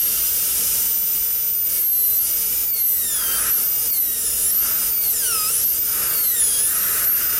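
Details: High-speed dental drill with 170L carbide bur refining the lingual surface and cutting pin-hole recesses on the maxillary right cuspid/central incisor for a 3-unit anterior bridge preparation: continuous shrill whine, pitch dipping as the bur cuts.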